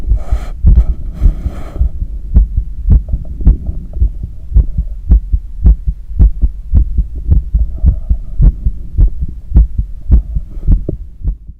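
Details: Fast, regular heartbeat at about 105 a minute, normal heart sounds on cardiac auscultation during cool-down after a long run, with visible neck veins and pulse and audible breathing.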